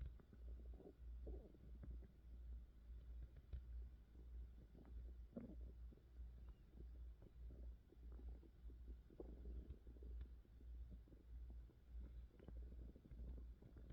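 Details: Hunger pains with stomach growling, recorded close to the belly: irregular low gurgles and rumbles over a steady low hum, bowel sounds of an empty, hungry stomach; ordinary borborygmi.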